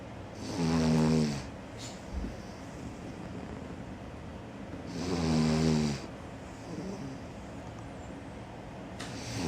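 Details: A sleeping Cavalier dog: two loud, rattling snores on the in-breath about four seconds apart, roughly 13 breaths a minute; ordinary snoring.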